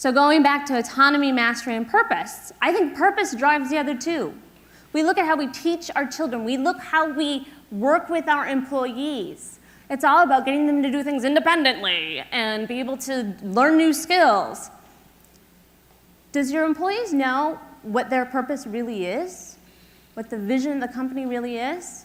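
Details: Adult woman speaking; normal speech.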